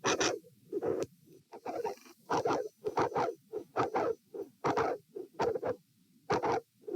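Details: Heart auscultation at position A, patient lying, sitting and standing, dilated aortic root: scratchy heart sounds near 74 a minute with a very loud mid-to-late systolic aortic vascular click and murmur at S2.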